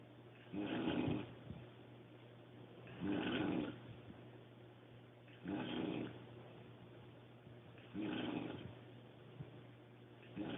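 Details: Adult woman snoring very loudly: rough snores on each inward breath, about 25 a minute at a steady rhythm, with quiet pauses between and a low room hum.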